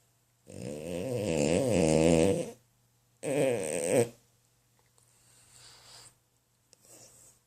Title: super snore dream